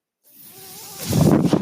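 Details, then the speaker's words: Breath from the mechanical ventilator of a person speaking on a podcast: a soft airflow hiss with a faint tone builds into a louder rushing puff, a ventilator breathing cycle. "that noise you're hearing is my ventilator, and thank you for tuning in to Page Turner's They Were Not My Star Wars podcast."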